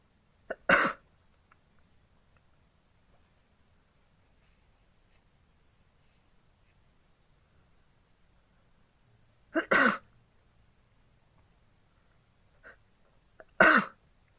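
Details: Three separate sharp, explosive sneezes, each after a brief catch of breath, from a person wearing an oxygen mask in a quiet room.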